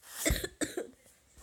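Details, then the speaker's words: Two short, loud coughs close together in a quiet room, with a brief breath between, from a speaker who says they are sick and have been ill over winter break; illness cough. "oh sorry guys just kinda have a bad day here yeah I'm kind of sick so we'll be coughing a little bit in this video"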